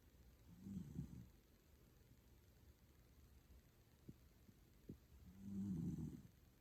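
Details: Toy poodle sound asleep, snoring: two soft, low rattling snores about five seconds apart with faint clicks between; snoring is faint, with background music.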